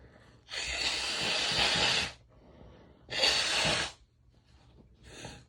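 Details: Female recording herself sneezing, nose blowing and coughing a little: two loud, explosive, hissing sneezes about a second apart, with quiet breathing between.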